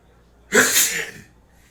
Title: I caught my neighbor having a sneezing fit